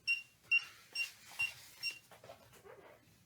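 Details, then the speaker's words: Boston Scientific deep brain stimulator charger, one week after implantation, being switched on and worn around the neck: five short high electronic beeps in quick succession, then faint rustling. "so after some mucking around i meant to get it on properly now it's going to start beeping again"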